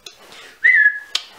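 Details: A whistling vocal tic from a person with a tic disorder ("Tourette-ish") who describes a very ticky day.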